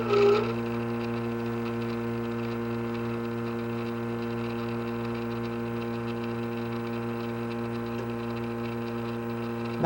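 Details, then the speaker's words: Vacuum spatulator mixing dental casting investment for 20 seconds under vacuum: steady motor hum with a low whir throughout. "put it in here like this and let it spatulate for 20 seconds under the vacuum"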